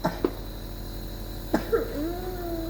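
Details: Young child with flu and cough coughing while receiving a steam inhalation treatment.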